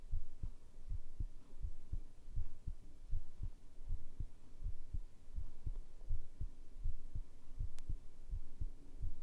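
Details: ASMR heartbeat recording, tagged as made with a binaural microphone: steady, low thumping heartbeat at about 80 beats a minute over a soft hum, a normal heartbeat.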